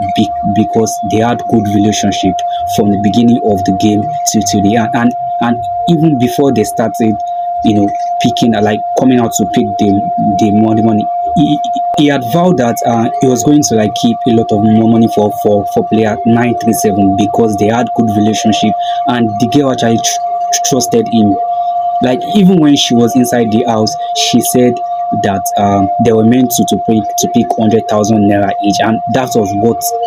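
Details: Stuttering in an adult man who calls himself a stammerer; this stretch has a broken word and a repeated word.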